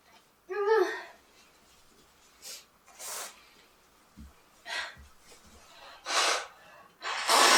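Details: An adult sneezes several times, each a sharp hissing burst of air, with a voiced intake near the start.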